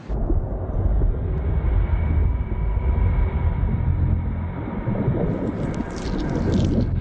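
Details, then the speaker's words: Simulated womb sounds as heard by a fetus, whose ears pick up vibrations from 13 weeks: steady low rumbling and muffled whooshing from the mother's body gurgles and rumbles. "the first sounds the fetus hears as her ears start picking up vibrations at 13 weeks are the gurgles and rumbles made by her mother's"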